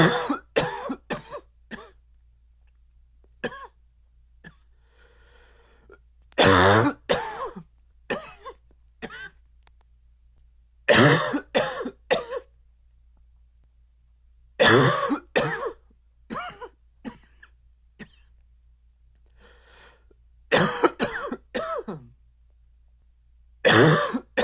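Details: Repeated bouts of short, harsh, dry coughs with a barking edge, separated by quiet pauses, chest shaking with the cough: dry barking cough.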